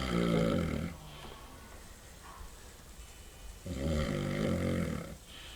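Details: Adult man (a father) snoring very loudly during sleep: two loud, deep, rattling snores on the in-breath with a quieter breath-out between them.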